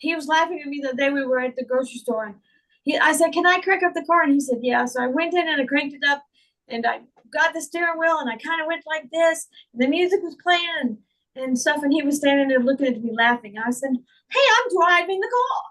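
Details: Adult woman with foreign accent syndrome that began on waking from a migraine in 2021, diagnosed by a speech therapist; she also reports slurred speech and functional neurological disorder.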